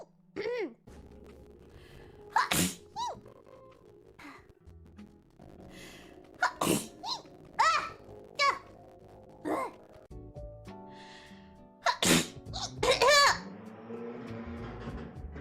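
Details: Sneezing: several high-pitched sneezes, each led by a sharp in-breath, with quiet background music and room noise.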